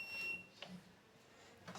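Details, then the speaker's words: Ventilator switched on during an operation demonstration: a brief high electronic power-on tone, then quiet room noise as the machine starts its self-check. "Now we are going to switch on the machine and then I'll take you through the operations."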